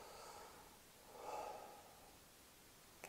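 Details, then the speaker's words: Normal breath sounds at the lung apex, heard with the stethoscope diaphragm during a nursing chest exam as the patient takes a deep breath in and out: soft airflow swells into one deeper breath, then fades, with a brief click. "so first let's start up here okay and we don't want you take good deep breath in and out so here we go apex"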